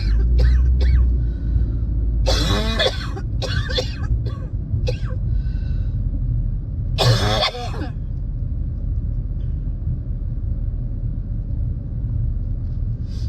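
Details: Coughing fit during a spring cold, recorded while driving at night: bursts of repeated harsh coughs over the steady car engine rumble.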